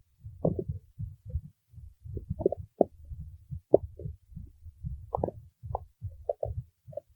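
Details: Steady run of low bubbling gurgles and squeaky pops as gas and fluid move through the gut; stomach growling, borborygmi.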